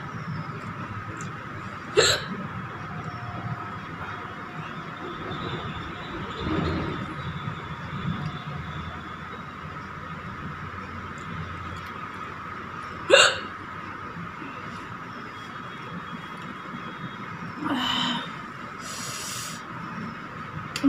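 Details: Several sudden, sharp hiccups at irregular intervals over room and traffic noise, from a woman eating very spicy green chilies with dal and rice and drinking no water: hiccups.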